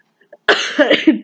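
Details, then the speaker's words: Coughing in a sick young person, who says a smoking mother's second-hand smoke led to a bronchitis diagnosis around age 13; a single loud, harsh cough breaking into a few rough voiced bursts. "hello universe as you guys can hear I am super sick right now and I'm like even having the cough"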